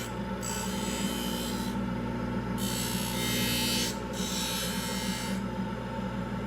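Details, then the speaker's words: Aluminum oxide acrylic trimming wheel in a dental lab, thinning the labial acrylic over the labial bow of an orthodontic retainer: steady motor hum and suction with bursts of rasping grinding. "And this is my acrylic wheel. It's a aluminum oxide wheel, and it will knock down the acrylic fast, so I'm going to use it to shape the bulk of it and reduce the bulk of it."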